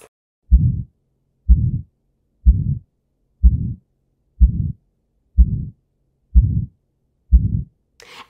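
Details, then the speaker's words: Aortic stenosis heard at the aortic area, where it is loudest: regular heartbeat near 62 a minute with a rough crescendo-decrescendo systolic ejection murmur on each beat. "it's systolic and it's loudest where a or mnek it's described as a crescendo decrescendo systolic ejection murmur"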